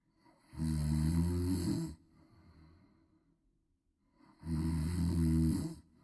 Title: Snoring Baby Viral video😴 #snoring #snoringsounds #snoringasmr #snoringtreatment #viralreels #funny